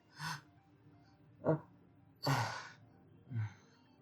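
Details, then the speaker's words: Simulated sneezes: an adult man, who says he had a cough and cold, acts out different sneeze types, producing four breathy bursts and a sharp inward gasp, then an explosive release, with a lead-up breath before one sneeze. "I was suffering with cough and cold and every time I sneezed it was always a different type of sneeze."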